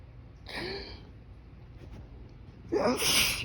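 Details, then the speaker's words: Morning allergy sneezes outdoors in breezy pollen-filled air while trying to hold them back with fingers pressed to the nose: a stifled, partly held-back sneeze with sharp intake, then a fuller sneeze burst. "when I try to hold them back I I just get stronger [Music] I'm trying trying to hold the ma"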